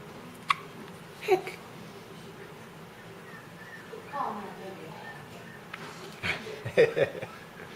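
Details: Hiccups in a newborn just after feeding: several short, abrupt catches spaced a few seconds apart, with soft adult talk in the background.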